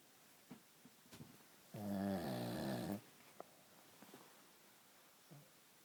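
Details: Man snoring, seemingly pausing between breaths: one loud, rattling snore on a breath, with quiet breathing and small noises before and after, in a quiet room.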